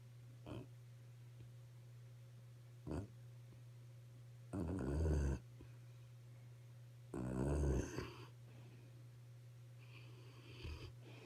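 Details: Sleeping dog snoring: low rumbling snores with a few short snorts between them, over a steady electrical hum.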